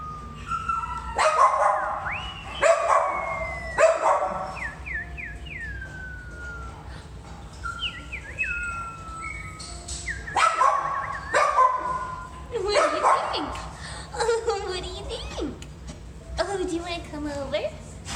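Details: Foster puppies with kennel cough in a loud room; several harsh, honking cough bursts among high whines and yelps; kennel cough.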